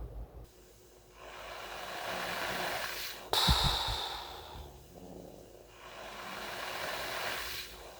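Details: Adult male with severe snoring and sleep apnea (about 70 apneas per hour on a sleep study), recorded asleep on CPAP, which is said to have greatly reduced his snoring: heavy breathing during sleep on CPAP.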